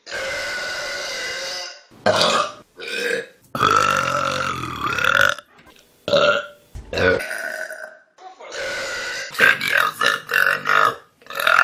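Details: Compilation of burps from online videos: a run of loud, drawn-out voiced belches with brief gaps between them.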